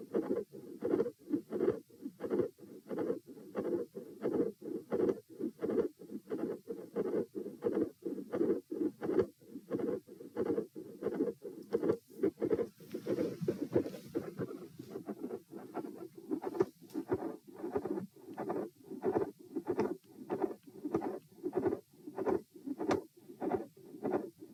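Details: Heart auscultation at position T during a posture stress test (lying, sitting, standing, lying): midsystolic murmur with split S2, murmur also at S2.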